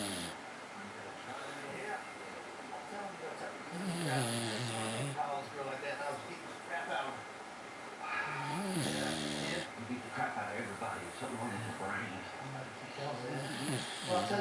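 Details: Snoring from Charlie, a dog sleeping very deeply after an 11-hour car drive: nearly continuous, groaning, vocal-sounding snores with wavering pitch, repeating every few seconds.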